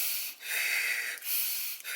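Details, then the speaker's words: Woman in labor, before reaching 4 cm dilation and active labor, imitating the loud, slow, deep mouth breathing she did during painful contractions that stopped her from walking the halls. "when I was getting them I was walking the halls and I literally had to stop and I couldn't walk anymore and I was doing like this deep breathing"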